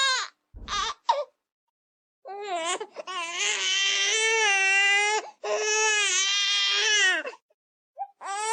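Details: An infant gives intense, sustained, high-pitched wails with brief gasps, the "tummy hurts" cry that an infant cry-language class links to infant colic; infant colic cry.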